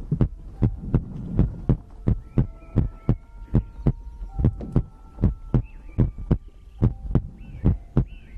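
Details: ASMR recording of a person's own heartbeat made for sleep: regular low thudding heartbeat about 90–100 beats a minute with faint tonal background sounds; normal heartbeat.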